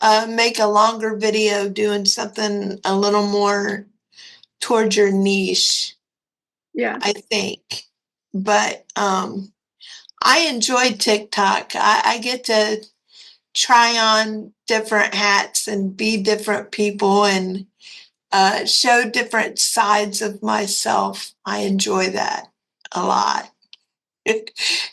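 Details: Dysarthria in a 56-year-old woman with cerebral palsy and quadriplegia.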